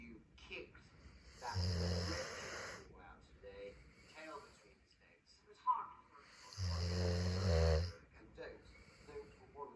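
Two loud, rough, rattling breaths about five seconds apart over quiet room noise, typical of snoring during sleep.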